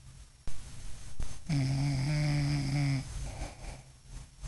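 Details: Adult woman (mother) snoring while asleep: one long, loud, buzzing breath with a steady low rumble, between quieter breathing and some room noise.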